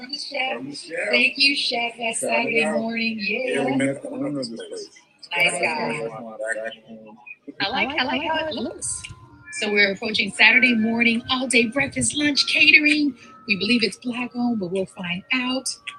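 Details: Adult speaker; normal speech.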